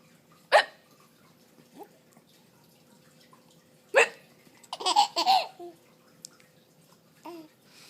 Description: baby hiccup and laugh at mom's fake hiccup